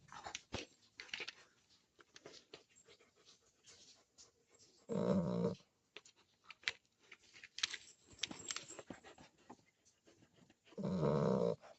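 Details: Resting American Bully dog: soft snuffling breaths with two louder, rough snoring breaths; ordinary dog snoring.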